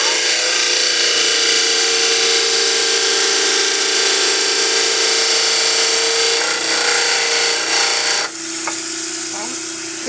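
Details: Loud steady high grinding whine of a wet dental model trimmer (water running) trimming a plaster dental cast to the depth of the vestibule from canine to molars, easing and changing pitch near the end.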